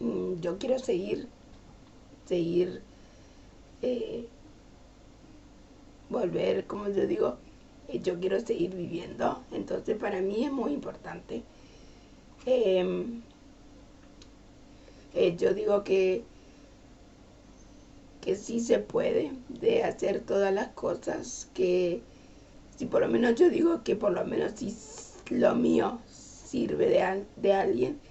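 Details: Adult Spanish-speaking woman with aphasia as a sequel of a stroke (cerebrovascular accident) three years earlier.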